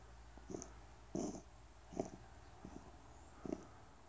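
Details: Seal point Siamese cat with a bad hacking cough: a run of about five short, dry, hacking coughs at uneven intervals.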